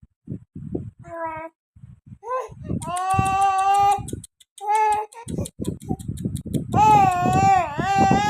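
A baby cries in loud, wailing bursts mixed with fussing and short breaths, with an adult's voice in the room.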